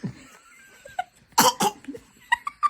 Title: Pretending to cough 😂 #prakids #2023 #kidfunnyvideo #kidsvideos